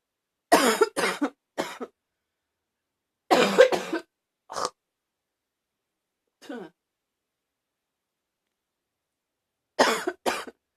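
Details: Slightly barky cough: repeated harsh coughs in short clusters, about eight bursts in ten seconds, quiet gap before the final pair.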